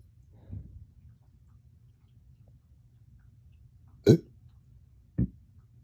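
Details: Painful hiccup-burps that hurt the chest, which began after a dog walk and drinking water too fast: three brief, abrupt throat sounds, two sharp and gulping, over quiet room noise; hiccups combined with belching.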